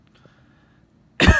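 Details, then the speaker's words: Near silence, then one harsh cough burst cut off; worsening cough on day 4 of a 10-day isolation, fever improving, cough significantly worse. "the fever's reduce the cough has gotten worse and significantly worse it's pretty bad it's pretty bad"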